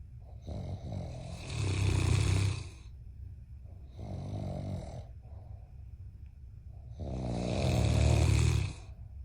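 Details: Loud, deep, rattling snores on each in-breath with quieter out-breaths between, about seven breaths a minute; snoring.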